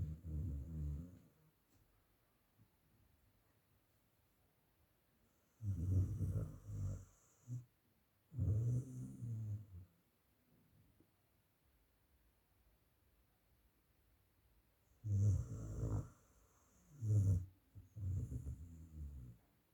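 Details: Sleeping dog: very loud, deep rattling snores coming in bursts separated by quiet pauses; snoring.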